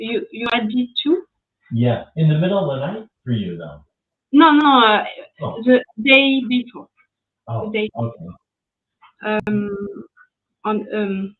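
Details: French woman, ischemic stroke at age 22 in July 2011, mute for 10 days, a year of rehabilitation, lasting language difficulty, speaking English; post-stroke aphasia.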